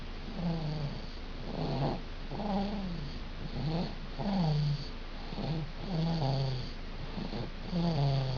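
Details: Baby snoring: soft, regular, low rattling breath noises, about 30 a minute, each with a slight voiced squeak, in a quiet room.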